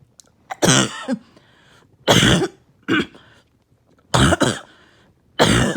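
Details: Five harsh, explosive coughs with a rough barking quality, separated by short pauses, while on strong medication with little chest pain; a barking cough.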